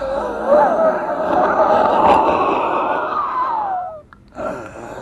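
A long, noisy breath close to the mic with shifting whistling and squeaking tones, a brief pause, then another breath begins: wheezing from a congested chest.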